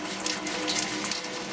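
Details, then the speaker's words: Steady running tap water with a light scrubbing rustle as a scrub brush or sponge scrubs each hand: a surgical hand scrub demonstrated at the sink by nursing students. "use the scrub brush or sponge to scrub each hand"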